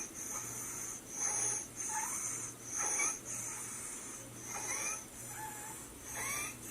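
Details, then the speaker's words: Inspiratory stridor with airway obstruction: harsh, high-pitched noisy breaths about every second. "Airway obstruction with stridor Strider is always present on the inspiratory phase severe respiratory distress on an infant with the head bobbing"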